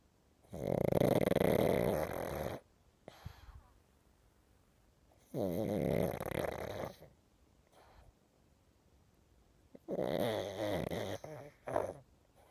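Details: Pug snoring while asleep and dreaming: loud, rattling snores about every four to five seconds, with quiet pauses and a short snort between.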